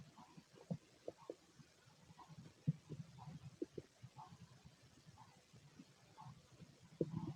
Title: Male stomach growls